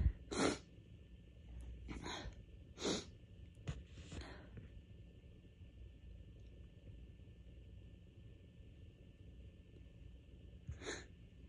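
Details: Allergy sneezing fit at bedtime during a week of bad allergies: about five itchy sneezes with short build-up in-breaths between them, a quiet pause, then one more sneeze.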